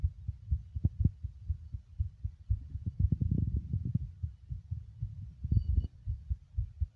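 Low, regular paired thumps of a heartbeat, somewhat fast, with faint rubbing noise in between.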